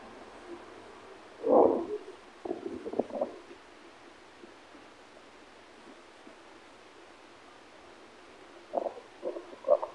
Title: Blue diamond tummy growl 2